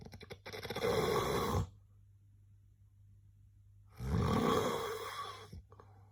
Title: SNORE SOUND | SNORING SOUND | HILIK SOUND #shorts